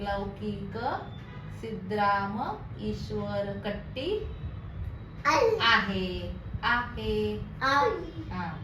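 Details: Deaf speech in a hearing-impaired boy in speech therapy for deaf children, telling his full name, learned through lip-reading over about three years.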